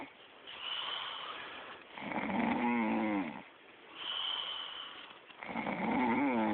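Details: Woman snoring while asleep, recorded by a friend: slow snoring breaths about 20 a minute with a whistling, wavering nasal tone on each breath.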